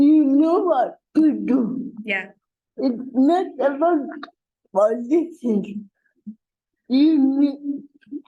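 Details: Dysarthria in an adult woman with cerebral palsy, a real speaker.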